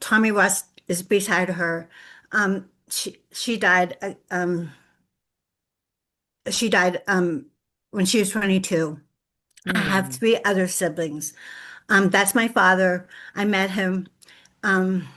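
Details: Adult woman with lifelong post-stroke aphasia after a severe stroke in 2012, real, speaking in an aphasia support group, with difficulty putting words together; aphasia.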